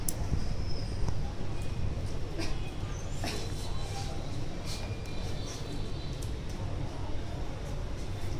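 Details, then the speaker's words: Postoperative patient with suspected anastomotic narrowing and a distended, tense abdomen, auscultated over the anastomosis site: frequent, irregular gurgles and clicks over a low rumble. Markedly increased bowel sounds, judged a partial bowel obstruction. "Nghe không? Rõ không? Rõ rõ rõ, chắc chắn là có vấn đề về bế tắc của đường ruột bán tắc thôi nha."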